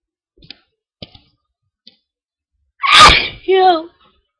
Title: Holdback + Sniffing Pepper + Sneezing.